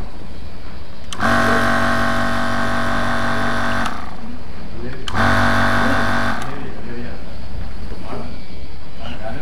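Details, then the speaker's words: Piston-type nebulizer compressor running during a demonstration and servicing, turning asthma medicine into mist: a steady, loud motor hum with a rapid rattle in two bursts over constant background noise. "compressor it is actually piston Tye this typees are also known asers or atom you can see the Piston moments"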